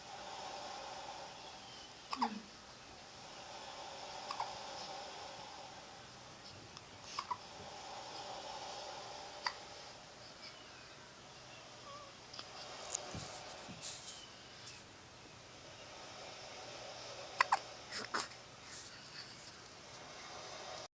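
Soft, sharp hiccup clicks recur every few seconds over steady room hiss. These are hiccups.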